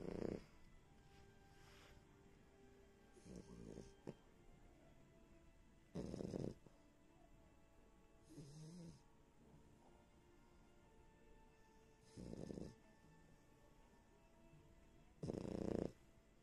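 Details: Sleeping French bulldog with loud, rough snorting snores about every three seconds and softer breaths between; flat-faced dog snoring.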